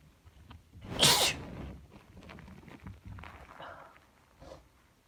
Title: sneezes cold fit